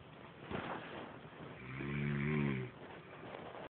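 A loud, low, rattling snore on one breath that rises and then fades, against steady room hum.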